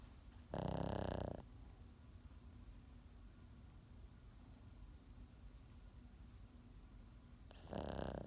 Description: Pekingese snoring, Pekinés Ronquido, 北京狗打鼻鼾,